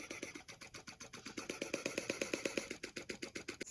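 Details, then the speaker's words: Rapid, even puffing pulses from a neonatal high-frequency ventilator running about 500 breaths per minute on a baby in a transport demonstration, giving small breaths that keep the lungs inflated. "Now, to contrast that, we'll put the baby on our high-frequency ventilator. We typically run rates of about 500 breaths per minute on this."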